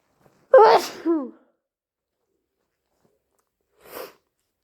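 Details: Loud sneeze with a sharp intake and explosive release, then a short sniff, from a person with a cold, still stuffy with an itchy nose.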